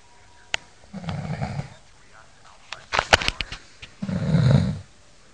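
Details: A man snoring: two low, rumbling snores about three seconds apart, with clicks and rustling between them.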